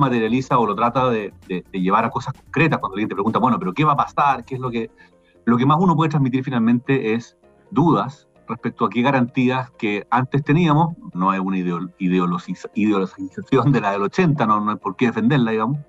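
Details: Adult man speaking Spanish; ordinary speech.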